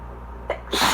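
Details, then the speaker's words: Nose blowing sets off a sneeze: a short indrawn breath, then one loud, explosive sneeze. "Sometimes blowing my nose will actually make me sneeze. And I'm not sure if it's going to happen this time, but it kind of feels like it."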